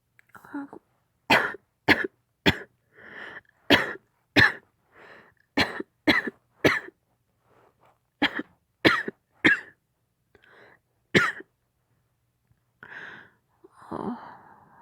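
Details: Acted roleplay of a girlfriend who caught a cold nursing her sick boyfriend, severe cough: repeated sharp dry coughs in bursts of two or three, about fourteen, with throat sounds and breaths; cough.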